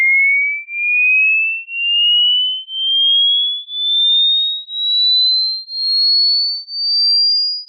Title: HEARING TEST | How Old Are Your Ears ?